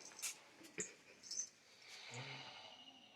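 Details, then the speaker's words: Snoring from an adult sleeping in the morning (husband, called a "whistle"): faint clicks and rustles, then a low buzzing breath sound in quiet room noise. "শুঁশা শব্দ শুনতে পাচ্ছ? নাক ডাকতেছে। তো ডাকুক, চলো বাইরে যাই, গিয়ে ভাত বসাই।"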